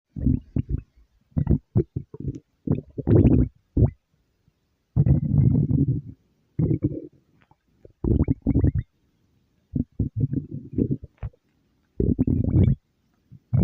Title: stomach growl